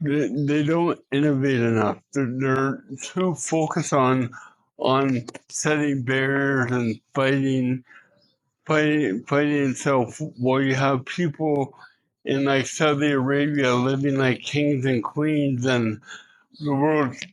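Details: Adult man with cerebral palsy, an Olympian and professional speaker, in a spontaneous street interview; dysarthric speech in cerebral palsy.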